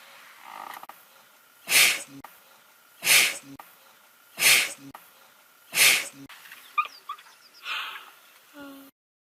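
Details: Four forceful, hissing sneezes at regular intervals, then a softer one, from a young wild lion in the Masai Mara, smothered by bush flies: repeated sneezing.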